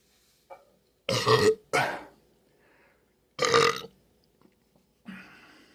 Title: Burps per request 7-2-26